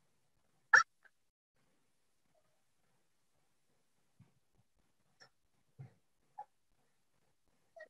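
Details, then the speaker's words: Lecture example of simple vocal tics in Tourette syndrome in children: a patient's lip-smacking sound, alongside tongue-clicking and grunting tic examples. "Bao nhiu tặt lưỡi những cái biểu hiện tặt lưỡi có nh tiếng gầm gừ n tiếng bập môi"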